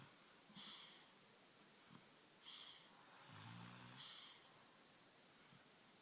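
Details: Snoring from a daughter and her mother together: hissing, whistly breath sounds with one low, rattling snore.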